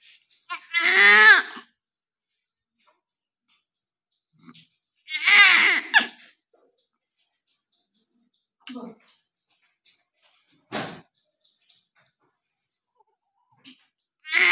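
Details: A baby's first cries right after birth, recorded in a nursing setting: two short, high, wavering newborn cries with silent gaps and faint small sounds between.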